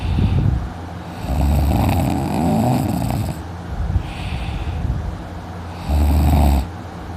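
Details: Loud, rattling low snores on each breath, about three in seven seconds, with steady room noise between; sleeping in, snoring loudly and later has a sore throat.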